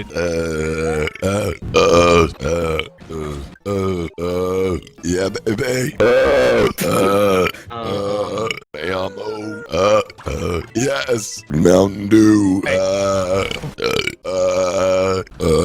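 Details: Soup burp compilation: a series of loud, long, deep voiced belches one after another, with brief pauses between them; repeated burping.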